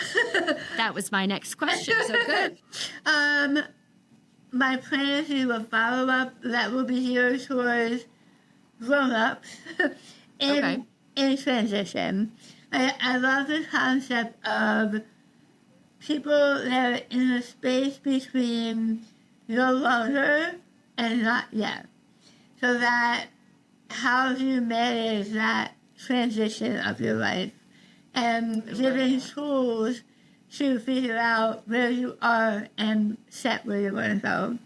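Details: Adult woman with articulation disorder after partial glossectomy for stage 4 tongue cancer: over half the tongue removed and rebuilt with a forearm graft, plus neck dissection and six weeks of radiation and chemotherapy; some listeners cannot understand her.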